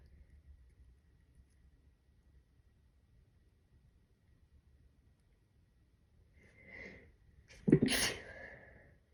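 Quiet room, then a soft breath in followed by a single muffled sneeze.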